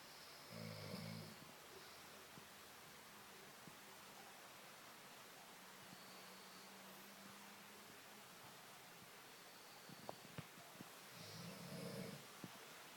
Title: Snoring